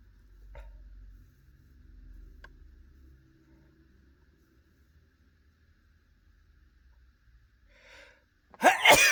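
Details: Adult male sitting in his car after dinner at a restaurant: quiet intake breaths in the enclosed space, then one sharp, forceful sneeze burst at the end; sneeze.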